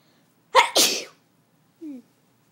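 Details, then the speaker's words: One loud sudden sneeze with a quick lead-in breath, then a brief small vocal sound after; a self-induced sneeze (induced via the right nostril) in someone with allergies and a runny nose. "The sneezes are scaring the cat."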